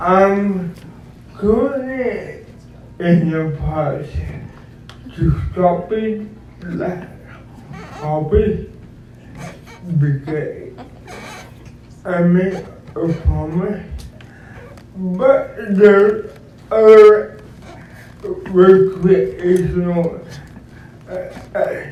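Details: Dysarthric speech in an adult man described as physically challenged with a speech impediment, who uses a wheelchair and needs a personal care assistant; real speech.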